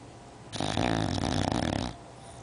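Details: Female English bulldog sleeping on a couch, snoring loudly enough to be heard from upstairs.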